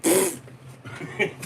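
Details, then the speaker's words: An adult man's deliberate imitation of his own sneeze, not a real one: a short, sharp voiced burst with a hissing top, after throat clearing and snorts. "like it's like that's literally how I sneeze. Like not everyone in the world sneezes the same."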